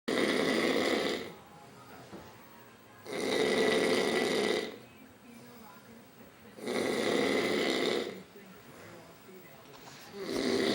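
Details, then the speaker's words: An adult man snoring at night, loud enough to keep others awake: regular rasping snores on each breath, about 17 a minute, with quieter exhalations between. "Woke up for Logan's feeding. He's gonna kill me. But he's so freaking loud. Who can sleep?"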